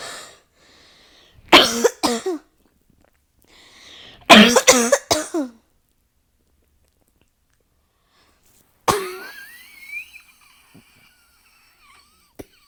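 Clusters of sharp coughs in quick runs, then a rising strained sound, in a quiet room, a coughing fit.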